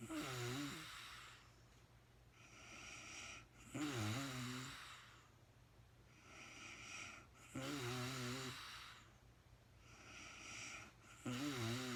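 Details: Real-time sleeping woman, part 1 of a night's sleep: rhythmic snores with a rough fluttering edge and softer out-breaths, about 16 breaths a minute; snoring.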